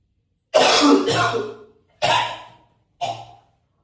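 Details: Three heavy, harsh cough bursts echoing in a bathroom, the first long and forceful, the last shorter; repeated deep coughing.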